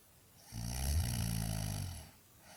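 One loud, low, rattling breath lasting about one and a half seconds: a typical snore.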